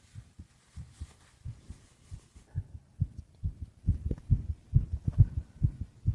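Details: Adult man sleeping; steady soft lub-dub heartbeat about 68 beats a minute, even and regular; normal heartbeat.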